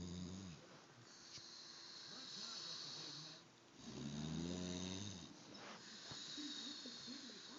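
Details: Slow, low, buzzing snores with airy breaths between, over steady room hiss: ordinary snoring during sleep.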